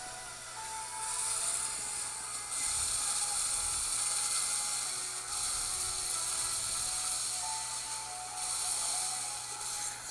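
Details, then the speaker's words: A slow electric dental implant drill whirs steadily in bursts while preparing the osteotomy (implant site) in bone during a real implant procedure. The surgeon checks bone density with each drill size before the implant is placed. "you just saw what it is to drill a site for an implant now we're done drilling now we're gonna get the implant which is here"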